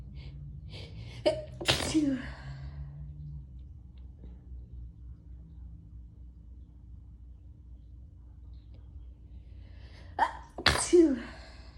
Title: Strong sneezes and a visual